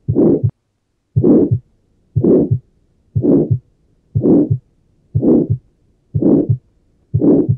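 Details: Harsh crescendo-decrescendo ejection systolic murmur at the pulmonary area, single S2 (inaudible pulmonary component), regular rhythm near 60/min; Tetralogy of Fallot murmur.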